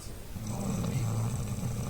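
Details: Adult wife snoring at night while her husband sits beside her unable to sleep: a low, steady rumbling snore on the breath in, filling the whole short stretch.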